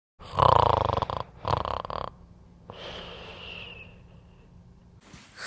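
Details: Snoring during sleep: two loud, fluttering rattles on breathing in, then a quieter whistling breath; typical snoring, discussed as possibly linked to sleep apnea.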